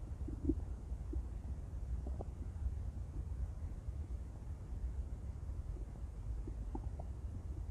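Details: Intense stomach growls: continuous low rumbling and gurgling with a few brief squeaky tones, from gas and fluid moving through the gut.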